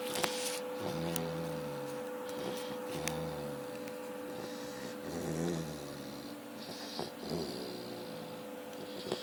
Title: Chow puppy snoring